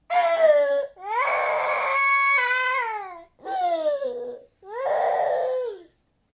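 A newborn cries in four rhythmic, wailing bursts separated by brief breaths, a typical healthy newborn cry.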